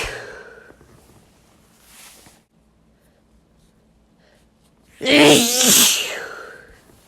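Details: Sneeze from a compilation: a quiet lead-in breath, then one loud explosive sneeze with a voiced burst, an ordinary sneeze.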